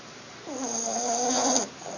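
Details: A single soft, tonal snore lasting about a second over steady background hiss, from a young female dog asleep after being a bit cold; snoring.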